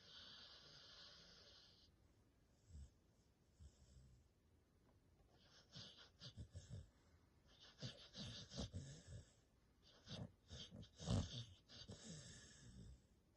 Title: BERKELEY SNORES LIKE A CHAINSAW !